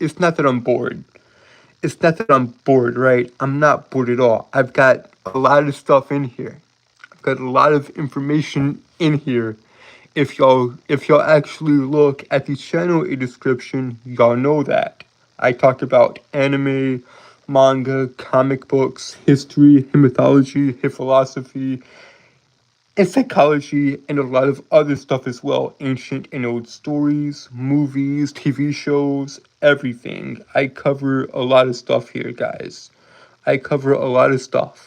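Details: Man with a self-reported speech impediment; speech impediment with phrase repetitions.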